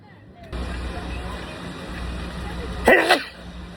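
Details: One loud, sudden sneeze burst over steady background hum and traffic-like noise; sneeze.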